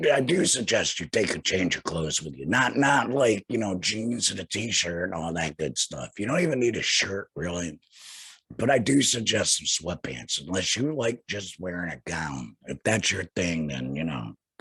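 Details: Male speaker who had laryngectomy surgery in 2020 and speaks without a larynx: alaryngeal speech after total laryngectomy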